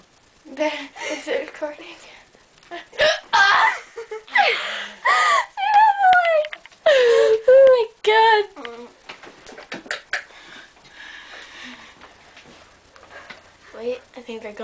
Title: Horrible Hiccups =[